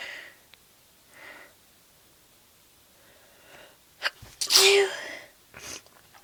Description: Again im sneezey but dont want to wake up my sister.